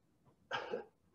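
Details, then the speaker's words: Paul, T4 spinal cord injury with no working abdominals, coughs after pressing his belly against a table to mechanically create intra-abdominal pressure: a single short, fairly weak cough burst with faint room noise; assisted cough in spinal cord injury. "so what what are you doing paul to generate uh more forceful cough and yeah and i didn't know this did you actually go up to the table and put your belly against the table but so he's mechanically creating some inter-abdominal pressure"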